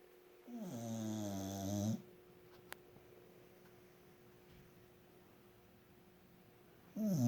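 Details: Peaches, sleeping, smiling and snoring: low, rumbling, buzzing breaths of over a second each, separated by quiet pauses in a still room; snoring during sleep.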